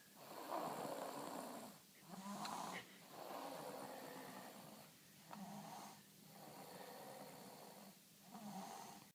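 Repeated rough, fluttering snores on each breath, roughly four breaths in nine seconds, slightly uneven; snoring.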